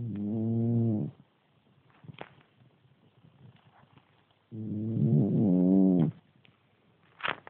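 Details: Sleeping cat snoring like an old man: two loud, deep, rumbling breath sounds with quiet gaps between.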